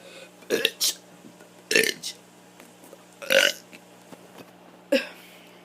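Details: Child doing deliberate burps: four loud, rough rumbling belches a second or so apart over faint room hum.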